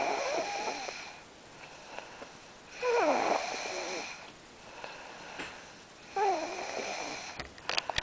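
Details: Person snoring during sleep: irregular, rattling, slightly whistling snores on the in-breaths, about 19 a minute, over faint room noise; snoring.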